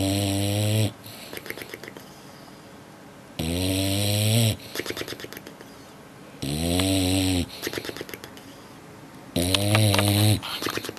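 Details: Dog snoring while asleep: loud, drawn-out, tonal snorting noises about every three seconds, with softer fluttering between.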